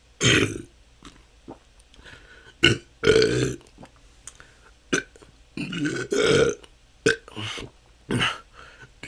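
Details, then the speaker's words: Adult with continuous natural burping lasting up to hours, a struggle for the last couple of years, recorded during a 10-minute session: repeated short "uh" belches; excessive belching (eructation). "that's 10 minutes this can go on for hours this has been my struggle for the last couple of years"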